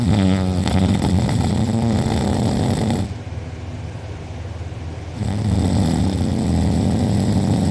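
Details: A person recorded asleep with mouth open and drooling, who later had a sore uvula and soft palate: very loud, harsh, rattling snores with a fast vibrating buzz on each breath and a brief softer pause. Heavy snoring.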